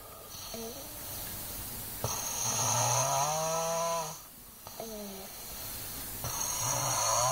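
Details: Overweight Chinese boy snoring in sleep: loud, long, rattling inspiratory snores separated by pauses, over a steady room hiss.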